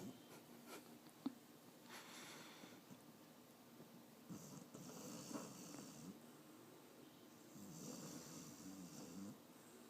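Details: Old dog asleep with active dreams: soft, rough snoring breaths with snorty sounds and small whimpers in a quiet room; snoring during sleep while dreaming.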